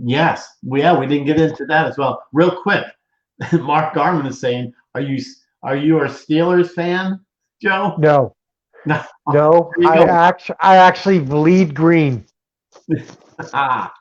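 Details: Adult male interview host, with a brief reply from a second man; typical speech.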